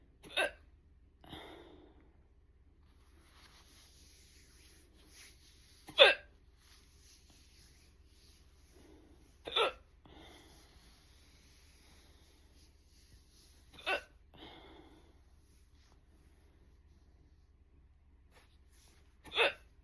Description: More of my first hiccup video. Stomach view. They were strong and fast.